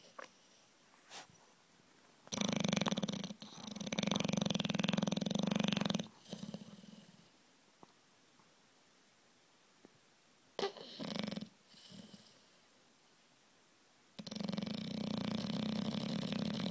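Long, loud rattling snores with a buzzing throaty quality and quiet pauses between, typical of a flat-faced dog's noisy breathing in sleep.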